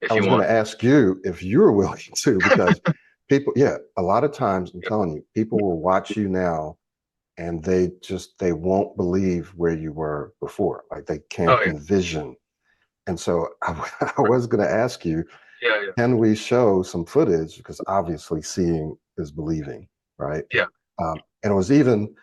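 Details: Adult male speaker; normal fluent speech.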